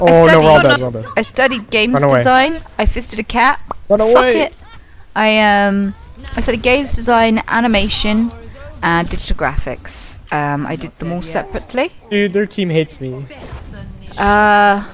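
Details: Real Tourette syndrome in a female streamer: involuntary vocal tics occur while she talks.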